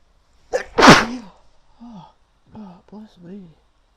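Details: Female's wet, powerful sneezing: a sharp inhaled catch, then one explosive sneeze and brief voiced sounds; nose still tickles afterward.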